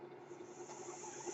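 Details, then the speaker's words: Steady soft hiss of airflow with a faint low hum from the speaker's own mechanical ventilator, heard while he talks. "My name is, and that noise you hear is my ventilator."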